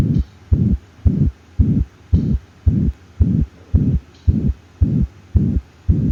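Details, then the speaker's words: Regular heartbeat about 110/min with a whooshing systolic murmur between the first and second heart sounds. "the first murmur we'll listen to is a systolic murmur this murmur happens between s1 and s2 so"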